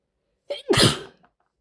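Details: Female, single forceful explosive sneeze after a quick indrawn breath, then silence; she had violent, quick-fire, big wet sneezing attacks all day.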